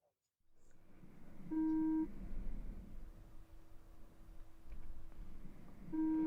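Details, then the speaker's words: Roleplayed ASMR ear examination, simulated hearing test: two steady pure beeps, each about half a second, played in one ear only over soft room noise. "And I want you to simply just let me know when you hear those beeps come true."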